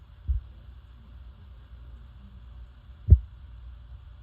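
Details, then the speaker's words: Normal iliac artery auscultation with a stethoscope below the umbilicus, done by a student physical therapist: a quiet low hum with two soft thumps and no whooshing bruit. "And that would be a normal assessment because I did not hear any"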